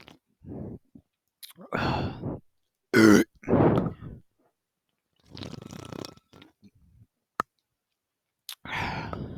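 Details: Person drinking Coca-Cola from a can: gulping and swallowing sounds with several short voiced burps between them; burping after a fizzy drink.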